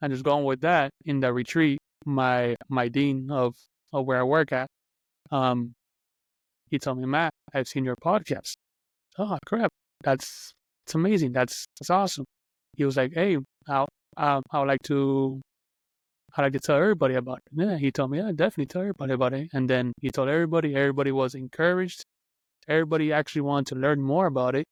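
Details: Adult man who stutters, speaking on a podcast about stuttering and job interviews, mentioning getting stuck while speaking; stuttering.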